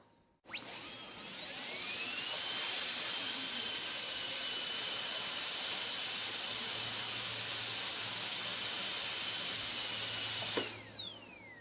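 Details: Dental drill, ASMR on-and-off recording: a high, thin whine spins up, holds steady for several seconds, then winds down when switched off.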